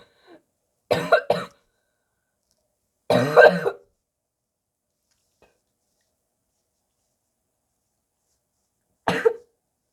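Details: Harsh, barking coughs with throat clearing, gagging and spitting, in separate bouts across a quiet stretch, from a person who says they are very sick: a barking cough.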